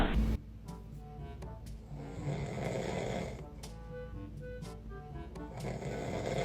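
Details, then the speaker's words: A dad snoring during sleep, with loud rasping snores as a baby reacts; music and a child's voice in the background; snoring. "That snore hit different."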